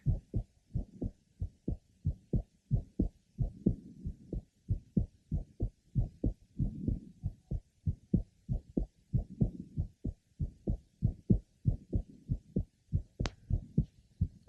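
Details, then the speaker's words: Pregnant woman: typical innocent grade 2 short mid-systolic murmur of pregnancy, heard over the third left sternal border, pulmonic area and aortic area. "our patient had a typical grade 2 mid systolic short murmur and was heard over the third left sternal border pulmonic area and aortic area"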